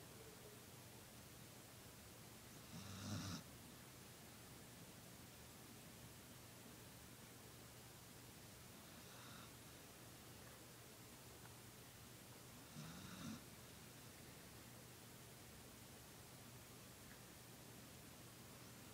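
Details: Callie the dog fell asleep on the couch and snored very loudly: two short, rough snores about ten seconds apart over a steady low room hum.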